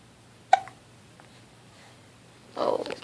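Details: Baby boy during tummy time: a single sharp, abrupt hiccup in a quiet room, followed by a brief fussy vocal sound; hiccups.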